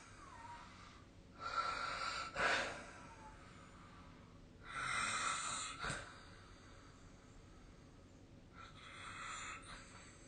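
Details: Snoring during sleep: rhythmic noisy breathing with snorting bursts, about 18 breaths a minute.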